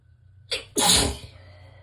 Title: Relaxed sneezes pt. 2 - finally got pt. 1’s tickle unstuck!